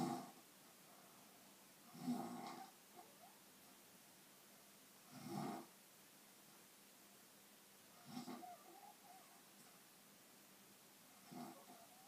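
Four rough, rattling snores on breathing in, about every three seconds, with quiet pauses between; ordinary snoring.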